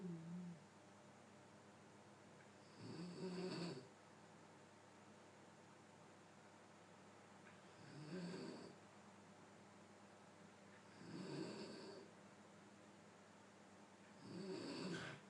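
Rough, rattling snores with each breath in, about 19 a minute, separated by quiet breathing out; ordinary snoring.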